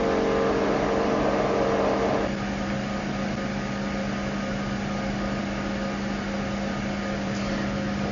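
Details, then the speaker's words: Fractional CO2 laser beauty machine operating after parameter setting, started with the foot pedal during an operating demonstration: steady mechanical hum with a rapid pulsing buzz that shifts in pitch partway. "After setting, we step on the foot pedal to start the operation."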